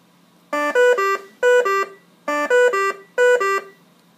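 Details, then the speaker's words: V60 BiPAP ventilator controls demo, played right after the low-priority alarm for comparison: loud repeating groups of musical beeps in a three-then-two pattern that sound until silenced; ventilator high-priority alarm. "that is a low priority here's what a high priority sounds like"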